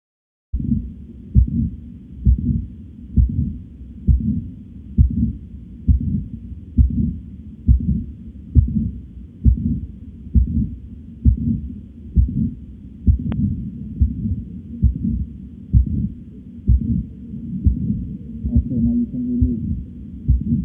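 Regular heartbeat through a stethoscope at about 67 beats a minute, with a low steady hum between beats.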